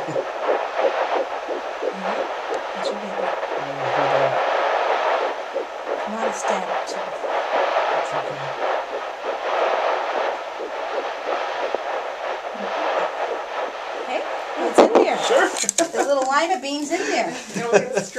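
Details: Fetal heartbeat heard for the first time on Doppler at a mother's first prenatal check-up, first pregnancy, due in June: fast, rhythmic whooshing pulses through Doppler hiss, with brief voices near the end.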